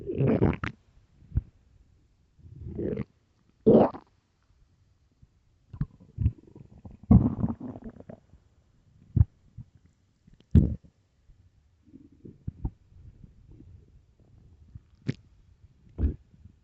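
Irregular low gurgling rumbles and squeaks from the belly, typical stomach growling from an empty stomach during hunger.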